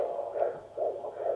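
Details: Fetal heartbeat on a Doppler at 16 weeks of pregnancy, described as a nice, regular, fast heartbeat.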